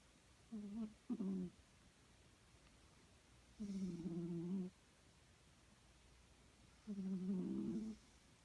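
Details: Sleeping Snowshoe Siamese cat, a habitual snorer, snoring in a quiet room: three rough, tonal snores at about 19 breaths a minute; ordinary snoring.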